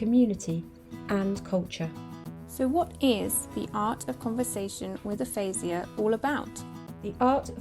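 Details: Adult speaker, likely female; normal speech.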